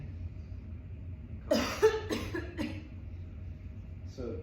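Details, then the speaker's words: Spinal cord injury patient doing a physical-therapist-assisted cough, manual push in and up while breathing in and extending neck: three short, forceful cough bursts close together, then brief voice. "So what I want you to do is breathe in, extend that neck, and then cough. Breathe out."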